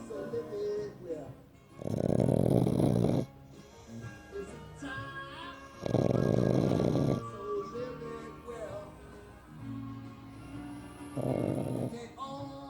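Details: Snoring: three rough, rumbling snores about every four seconds, with music playing in the background.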